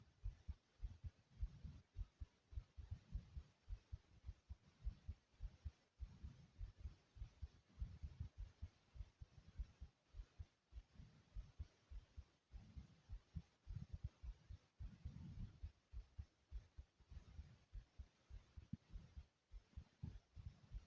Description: Listen to how fast and loud my heartbeat is ❤❤